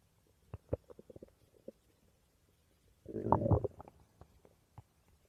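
Scattered low gurgles and pops with one longer rumbling burst; ordinary stomach growling from gas and fluid moving through the gut.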